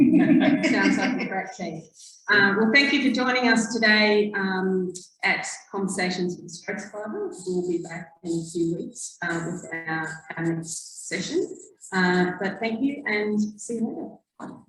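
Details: Adult woman; normal speech.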